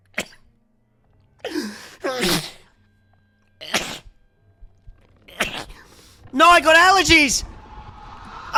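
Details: Male Twitch streamer sneezing during a game stream: several quick, sharp sneezes in a row, the last with a voiced cry, with faint game sound in the background.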